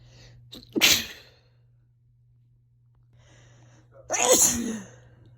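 Two separate forceful sneezes a few seconds apart, each preceded by a brief catch of breath, in a quiet room.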